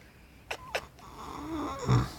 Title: horse snoring